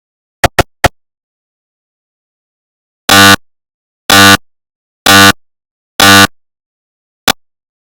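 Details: Recreated (simulated) GE 750w 3T MRI scanner noise: loud buzzing tones, three quick pulses, then four longer buzzes about a second apart and a final pulse.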